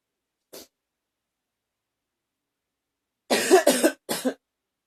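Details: A person who was a little rough having a coughing fit: a faint cough, a pause, then a quick run of three harsh coughs.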